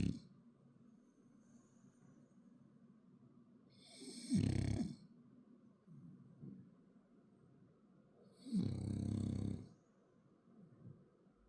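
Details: Two loud, rattling snores about four seconds apart, with quiet snuffly breathing between, from a sleeping French Bulldog; snoring.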